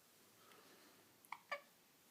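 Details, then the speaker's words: Person with recurring hiccups who doesn't seem to mind them: two faint, abrupt little catches close together in a quiet room. "You had the hiccups again, huh?"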